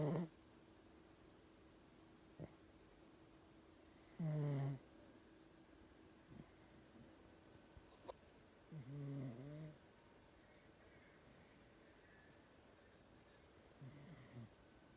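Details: A sleeping dog snores lightly: soft, occasional low snoring breaths, about three in fifteen seconds, over a quiet room hiss; snoring.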